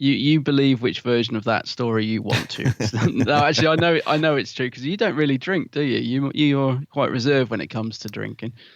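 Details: Adult man speaking; Normal voice.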